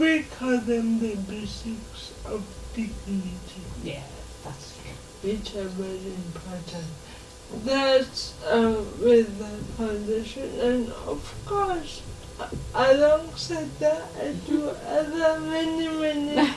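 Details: 26-year-old woman with lifelong cerebral palsy, speech affected enough that people often find her hard to understand; dysarthria.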